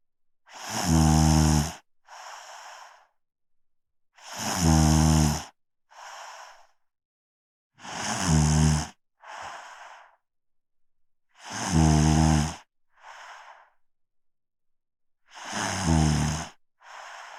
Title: Snoring for an hour | Helps you fall asleep | Let's listen